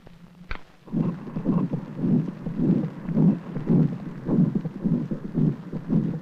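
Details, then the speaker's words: Heart recording from a captured, roped, exhausted wildebeest: fast, muffled low thumps at about 110 a minute (tachycardia), largely buried under loud rushing breath sounds. "the heart's beating very fast but we're also picking up breathing noise we're not getting a good recording the sound of air rushing in and out of the lungs is obscuring the sound of his heartbeat"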